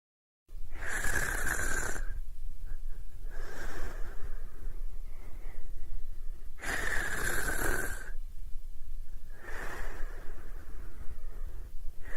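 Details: Snoring during sleep: loud, rough snoring breaths with a whistling edge, four cycles in about eleven seconds, near 20 breaths a minute.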